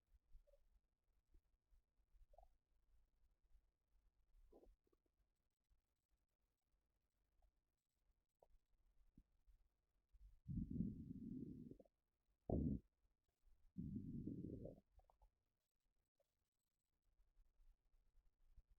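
Quiet intermittent gurgles, then several loud, low, growling rumbles from the stomach: ordinary bowel sounds.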